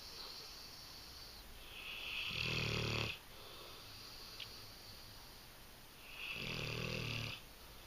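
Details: Female English Mastiff asleep; two long rumbling snores about four seconds apart with a hissing exhale between; steady sleep snoring from a large dog.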